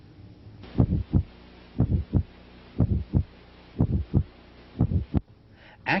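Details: Teaching recording, patient possibly in left lateral position for apex listening: regular paired heart sounds about 60 a minute with a soft sound between them, a functional systolic murmur; brief voice at the end.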